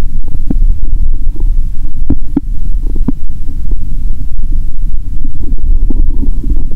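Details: Bowel sounds heard through a first-time-used stethoscope on the abdomen after more than 15 hours without food, with hunger noises: deep continuous rumbling with scattered brief gurgles and pops.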